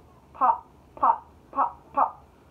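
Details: Teenager with Tourette's producing repeated vocal tics ("pop pop pop") while speaking: vocal tics.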